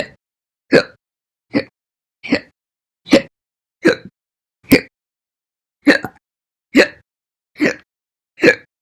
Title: 8/1/20 to 8/16/20, My Slow Hiccups (Read Description)